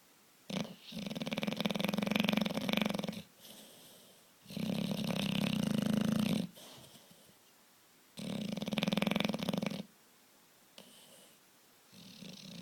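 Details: A sleeping bulldog gives loud, rattling snores, three long snoring breaths with quiet gaps between.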